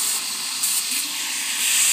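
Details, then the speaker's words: Chairside dental assisting demonstration, rubber dam in place, tooth preparation on mandibular tooth number 26: assistant rinses with air-water syringe tip along the tooth's long axis; steady loud hissing spray. "so i want to rinse with the point of the air water syringe the triplex tip going straight down the long axis of the tooth the same direction that the burr was going air water spray"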